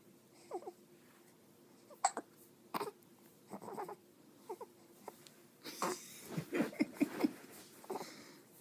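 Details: Infant standing while she has the hiccups, a little wobbly just after eating: short fussy cries and whimpers in a quiet room, building into fuller crying near the end; ordinary infant cry.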